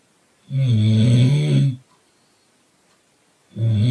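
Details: Sleeper in a car: loud, deep rattling snore lasting over a second, a pause, then the next snore beginning; snoring.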